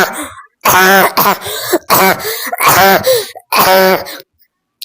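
Run of loud, harsh voiced coughs and throat clearing in quick bursts, a coughing fit after excited screaming and laughing.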